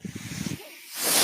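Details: A podcaster's own mechanical ventilator, recorded while he speaks: a brief low voiced sound fades to near silence, then a rising airy hiss as a breath is delivered.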